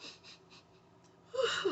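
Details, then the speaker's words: Person during a tic attack, with jaw locking, limb shaking and kicking, while trying new RSO medical marijuana tincture: faint breathy sounds, then a sudden strained, wheezy gasp as the attack disrupts breathing. "So I couldn't talk anymore because my my jaw locks up when it's happening. I have to get my composure. It's still messing with my breathing."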